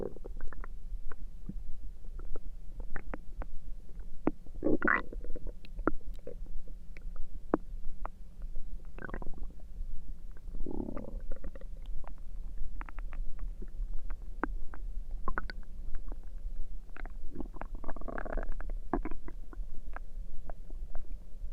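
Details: Adult's stomach noises recorded through the night, with irregular gurgles, clicks and low rumbles; ordinary active bowel sounds (borborygmi).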